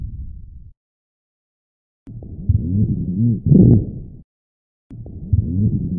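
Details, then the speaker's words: Real-life rhonchi played slowed and then at real time: continuous low-pitched snoring, gurgling sounds on both inspiration and expiration, associated with secretions. "in summary ronkai are continuous low pitch snoring sounds they occur during inspiration and expiration since these sounds are associated with the presence of secretions coughing can be effective in clearing them"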